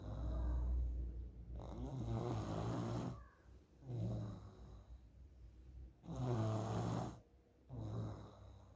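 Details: Child snoring during sleep, suspected sign of nasal polyps: loud, regular, rough low-pitched snoring breaths, about three cycles in nine seconds; snoring.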